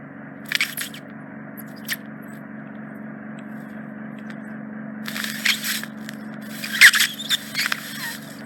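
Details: Endoscopic microsuction of deep impacted ear wax trapped in the ear canal isthmus, adult female: steady low suction hum broken by bursts of crackling and scraping as wax is drawn up.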